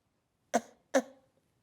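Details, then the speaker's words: Simulated: an actor demonstrates a small cough in a film scene, two short, sharp coughs in quick succession, each fading quickly in a quiet room. "I wouldn't say it was hacking up a lung but there was coughing a small cough like this"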